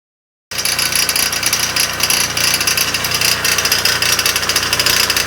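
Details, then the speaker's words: Loud harsh rattling and rapid knocking, about 220 knocks a minute, from a dental office air compressor in a basement utility room that had cracked and was emitting gold dust; the noise of a compressor close to failure. "now when i was down there the compressor kicked on and it made this really terrible noise and i'll go ahead and replay the video here for you so you can hear it"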